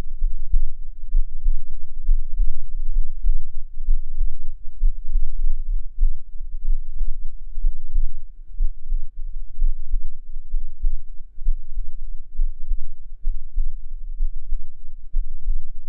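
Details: Adult heartbeat recorded with a binaural microphone, sound quality noted as poor: steady, muffled low thumps at about 65 beats a minute under a low rumble; normal heart sounds.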